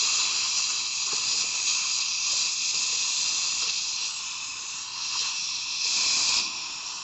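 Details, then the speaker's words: Steady high-pitched hiss with slight rises and falls from a high-speed dental handpiece with water spray, drilling tooth number 20 on a training manikin during simulated composite filling practice. "and then we're going to go ahead and start drilling let's turn it on"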